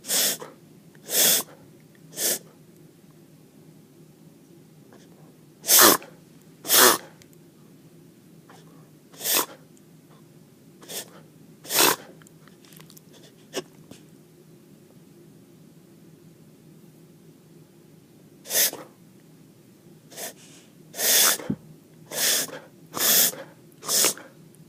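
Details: A dog gives about fourteen short, sharp, explosive coughs, some single and some in quick clusters.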